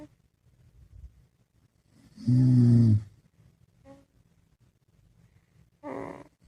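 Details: Loud, low, vibrating snore, then a faint one and a softer, higher-pitched snore in a quiet room from a sleeping dad and baby; ordinary snoring.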